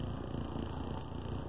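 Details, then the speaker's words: An adult with COPD on oxygen, pulmonary hypertension and lupus who needs a double lung transplant, kneeling during an oscillating vest airway clearance session whose cycles loosen mucus: a steady, low, rapid pulsing hum. "each cycle actually targets different areas in different ways for different duration and it's all designed to help looser mucus out up and out"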